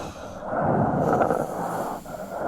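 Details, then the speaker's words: Death rattle in a dying patient, heard over the mouth: noisy, gurgling breathing with a rattling tail at the end, from profuse pooled airway secretions; death rattle. "That's the rattle there, that little snaky type thing at the end, little rattlesnake. It sounds like Holden scratching his back. It really does, actually. And that's a death rattle."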